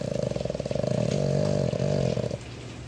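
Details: A loud, rough, rumbling snore with fluttering vibration through one long breath, then quiet, from a Boston Terrier napping with his eyes open, sounding human-like; dog snoring.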